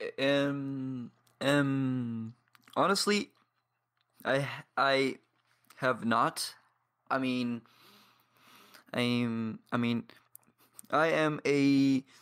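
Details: 22-year-old man from Paraguay who has stuttered for as long as he can remember; stuttering with blocks and pauses.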